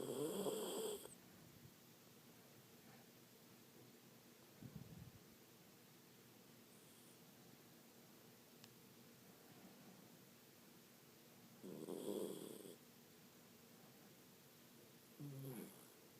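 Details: Short, nasal snorting snores every few seconds in a quiet room from a sleeping Miniature Pinscher: light snoring in a small dog.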